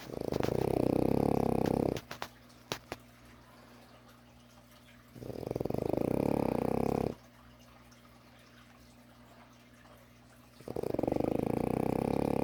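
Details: French bulldog puppy napping, three long, loud rumbling snores with quiet pauses, slow breathing at about 15 breaths a minute; snoring in a flat-faced puppy.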